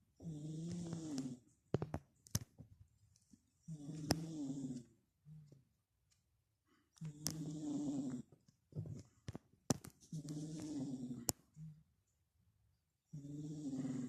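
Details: Merlin sleeping, usually a high-pitched snorer but lower-pitched here, which the owner thinks may be from a blocked nose: soft, buzzing, uneven snores about 19 a minute with clicks between breaths; snoring.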